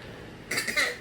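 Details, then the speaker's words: Infant girl making two or three short, light, deliberate fake coughs after brief silence, done for attention because she knows parents come running; voluntary cough. "part of it is she's fake coffin part of it's like I do this laughs where I go ha ha ha that's that's what she does"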